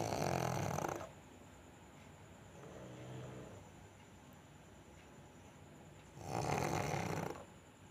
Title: pug snoring